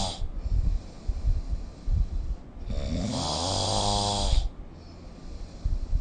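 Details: Heavy snoring during sleep, recorded with the SnoreLab app: a long, loud rumbling snore with a whistling, gurgling quality on inhalation, between quieter noisy breaths.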